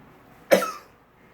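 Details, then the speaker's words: Adult with a persistent cough, drinking water to ease it: a single short, sharp cough in a quiet room. "Tubig lang tayo ng tubig ha. Baka mawala yung ubo mo."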